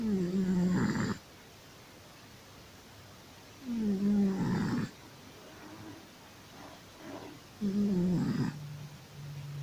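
Three rattling snores, roughly 16 breaths a minute, separated by quiet pauses: snoring in a sleeping cat.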